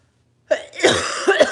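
A single brief adult cough, followed by a short spoken phrase.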